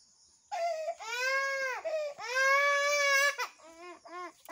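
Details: A baby cries in several long, high, wailing bursts with brief catches of breath between them; a strong, ordinary-sounding infant cry.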